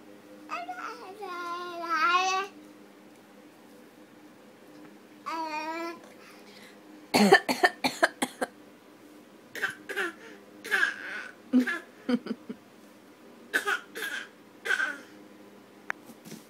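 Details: A toddler girl makes short, deliberate coughs in playful bursts, imitating her mother's cough; a voluntary cough.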